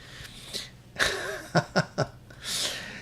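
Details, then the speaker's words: Sleeping dog, apparently dreaming, makes short snorting breaths and a few quick nasal snuffles; snoring. "my dog is in like dog dreamland here look listen to this snoring man"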